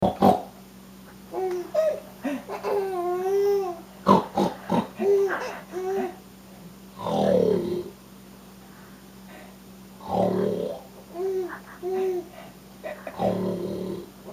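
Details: Grandfather's rough, noisy snoring breaths about every three seconds while a 3-month-old baby coos and giggles in between; snoring.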